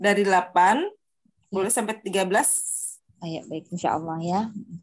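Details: Adult woman speaking Indonesian; no voice disorder.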